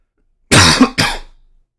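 Two short, harsh bursts from an adult, a cough run into a throat clear, in a quiet room.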